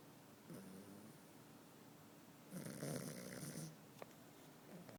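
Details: Pug snoring in the morning: snorting, rattly snores from a small flat-faced dog, one long noisy breath in the middle, snoring from a narrowed upper airway.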